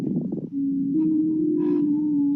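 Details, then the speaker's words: Lung sounds from a textbook sound library: brief crackles followed by a steady, musical, high-pitched expiratory wheeze. Adventitious sounds, crackles with wheeze. "the crackles first and then the wheezing [Music] so all these abnormal heart sounds or lung sounds these are called adventitious sounds is how we would term that it's kind of a high pitched expiratory wheeze"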